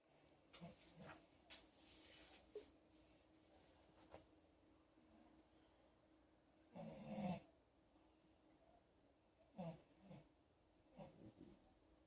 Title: Snoring pig